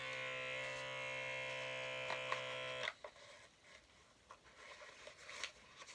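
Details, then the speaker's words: Lifewise talking wrist blood pressure monitor while the user shakes their hand during measurement, then flags motion: a steady buzzing pump for about three seconds, stopping with a release and faint rustling. "god that was scary I thought it's gonna pop kid like I wouldn't quit I was gonna pop"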